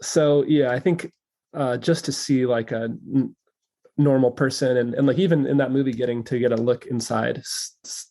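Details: Adult male who says he stutters and stutters openly, speaking in a podcast conversation about stuttering; stuttering.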